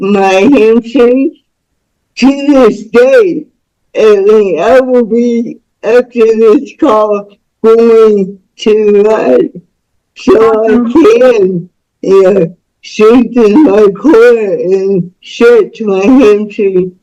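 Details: Dysarthric speech in a woman about to turn 49 with lifelong cerebral palsy involving spasticity, born with the umbilical cord around her neck five times; doctors said she would never walk or talk.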